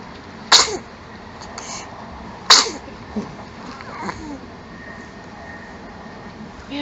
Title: sneezing and smiling